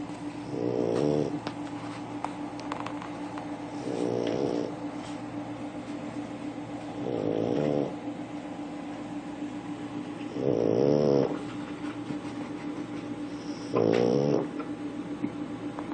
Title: Snoring pug